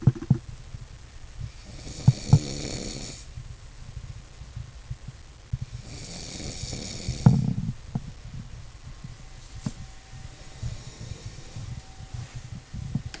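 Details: Adult brother snoring while asleep at about 3 a.m.: loud rattling snores on two breaths about four seconds apart, against quiet room noise.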